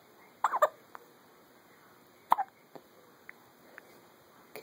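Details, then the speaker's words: Infant girl with hiccups in the morning: brief, sudden catching sounds at irregular intervals in a quiet room, one big one; hiccups. "hi good the hiccups this morning whoa that was a big one"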